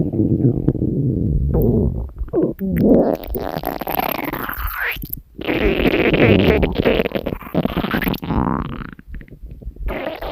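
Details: Hungry stomach growling (borborygmi): continuous gurgling, bubbling and squeaky rumbles with rising and falling pitch.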